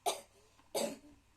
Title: простите за кашель